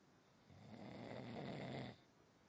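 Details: A single rough, rattling snore on an in-breath, about one and a half seconds long, over quiet room noise; snoring.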